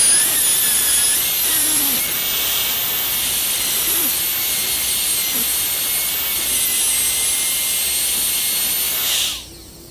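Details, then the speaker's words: High-speed dental handpiece whine for about nine seconds, then spin-down, while placing 1.5 mm occlusal depth cuts for the functional cusp bevel in a cast gold crown prep on a model mandibular molar. "These depth cuts will be approximately 1.5 millimeters near the crest of the cuspal ridge, but will fade into the existing buccal surface."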